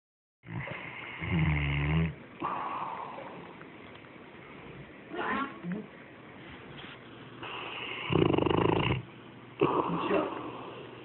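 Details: Rumbling, snuffly snores on slow breaths from a female dog sleeping beside her owner; dog snoring.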